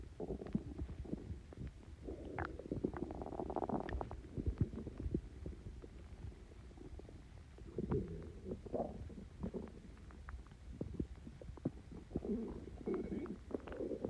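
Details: Stomach growling (borborygmi) after drinking Coke with Mentos: gurgling, bubbling rumbles with irregular squelches and pops.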